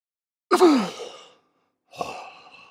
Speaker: This is not snoring. It's something much different known as agonal breathing. If you see someone breathing like this and they're unresponsive, it means they need medical attention right away.